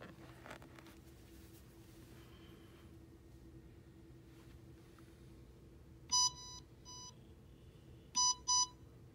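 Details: A few short, high electronic beeps over quiet room hum as a ResMed Astral 150 home ventilator powers on, during setup for dual-limb invasive ventilation.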